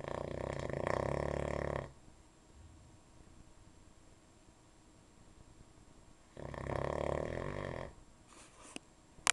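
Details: Logan's nightly snoring: two loud rough rattling snores a few seconds apart, quiet breathing between.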